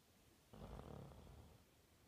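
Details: Snoring in Max, an 18-month-old Labrador, asleep: a single soft, rattling low snore lasting about a second against quiet room noise.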